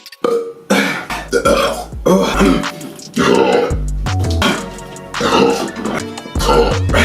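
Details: Loud burps after chugging large amounts of drink in a chug challenge: several long, loud burps with background music.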